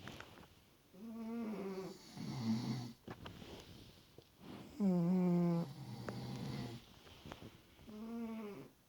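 Rhythmic snoring with a rough, buzzing tone on the breath in and a softer breath out, repeating through the clip.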